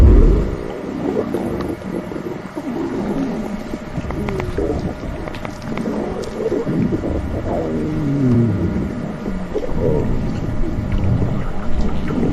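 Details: Long gurgling, rumbling and squeaky stomach growling over steady low background noise; borborygmi.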